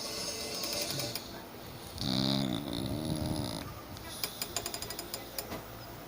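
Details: Very loud snoring: a loud, rough, rattling snore over music, followed by a run of short snorting pulses.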